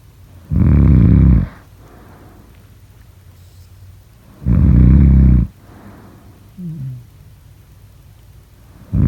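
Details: Loud, rumbling, low-pitched inward snores about every four seconds (roughly 15/min), each followed by a soft breathy exhale: snoring.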